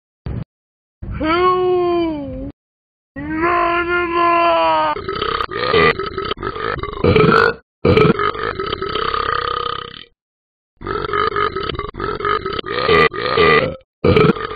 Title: Burping Dog